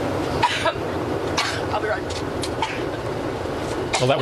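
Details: Adult woman having a coughing fit while speaking: repeated short cough bursts with steady room and crowd noise behind.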